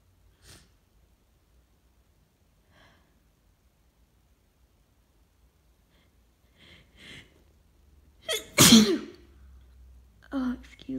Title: Allergy holdback sneezing- 1 minute of holdbacks leads to a huge sneeze 🤧🤧